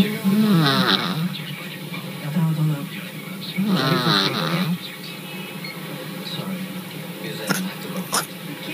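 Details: A sleeping cat snoring in a quiet room: loud, low, rattling breaths with a buzzing quality, two strong snores and then softer breathing.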